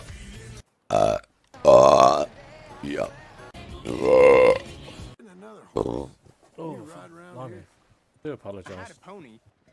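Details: Live-stream compilation of deliberate belching: several loud, drawn-out, croaking burps with bursts of talk and music between them; burping.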